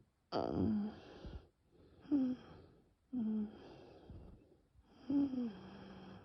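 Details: Very severe nocturnal asthma attack with bronchial spasm and no coughing: four laboured breaths with high, musical whistling wheezes and squeaks. By the end, the bronchi slowly reopen with rescue medication.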